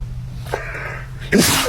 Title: Dog sneezing 🤧 #dog #funny #doglover #pets #petowner